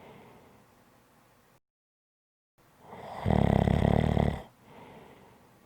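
A loud, rough, rattling snore lasting about a second, rising out of quiet breathing and then fading. Snoring.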